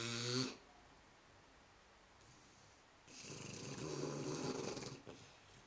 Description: Our 3 month old Shar Pei snoring while she snoozes on the sofa with our daughter